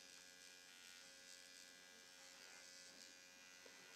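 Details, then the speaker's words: Steady high-pitched electric buzz of a handheld AOS Nano Pen running continuously, faint room hum beneath, as the presenter nanoneedles her own cheekbone area at home with recovery solution, moving up-down and side-to-side. "So let's go to work a little bit more on this cheekbone area. I'm going to go up and down, side to side,"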